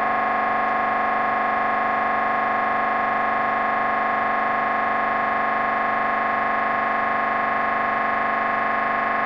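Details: MRI brain scan recording: loud, steady, rapid buzzing drone of the scanner running a sequence, about two pulses a second.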